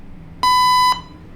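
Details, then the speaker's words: ZOLL AED 3 defibrillator training demonstration: a single steady half-second electronic tone marking simulated shock delivery after the prompt "shock will be delivered in three, two", followed by the prompt to start CPR. "don't touch patient shock will be delivered in three two"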